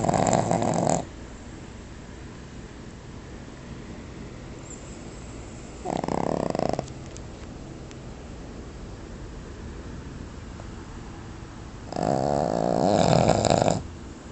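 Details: Three loud, rattling snores about six seconds apart over steady background noise, around 10 breaths a minute, while the subject sleeps and snores loudly; snoring.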